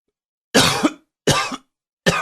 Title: Coughing 33